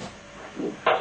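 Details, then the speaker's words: Hand-held Doppler over the posterior tibial artery in a healthy leg: a strong pulsatile whoosh over a steady hiss, a normal triphasic arterial Doppler signal. "again a triphasic signal is typically found in healthy legs the shape of this waveform may also be influenced by arterial disease in these and other surrounding arteries"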